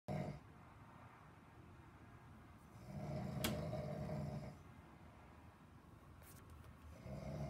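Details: Man snoring deeply: one deep, rumbling snore rises during a long breath over a steady low room hum.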